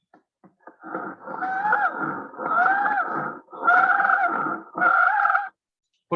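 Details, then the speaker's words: Expiratory wheeze heard when the patient breathes out: first a child-like version, rapid and very high-pitched, then an adult-like version, slower and deeper, both with whistling musical tones. "civil ansias le llaman así porque suena como a silbido si esas son las sibilancias entonces acá está mostrando si la ansias respiratoria es decir cuando el paciente suelta el aire"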